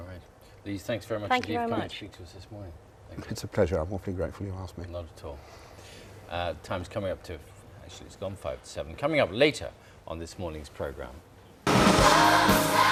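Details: Adult male broadcast presenter; fluent speech.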